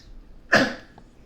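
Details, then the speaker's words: Person with an ongoing cough, recorded on a streaming microphone, using cough drops and water: repeated coughing. "The cough is still here as you can hear, unfortunately. Got my cough drops at the ready and my water bottles, but expect to hear coughing pretty regularly during today's stream, unless the mic is smart enough to cut it out, which it I don't think it is."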